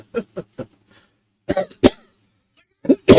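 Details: A single cough from an adult who is not fully over bronchitis, heard amid conversation.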